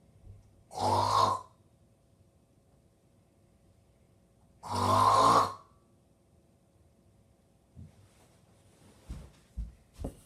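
Two loud rattling snores on breathing in, about four seconds apart, with quiet breathing and small noises between them in a quiet room.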